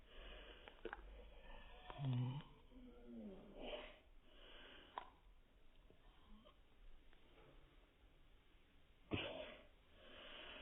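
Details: A young child's sudden, explosive sneezes, one early and a sharper one near the end, separated by soft breathy vocal sounds in a quiet room; sneeze.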